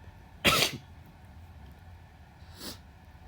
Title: Recording myself sneezes (M)